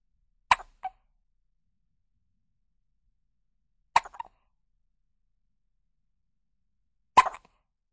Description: Découvrez ces bruits de bébé nouveau né qui à le hoquet.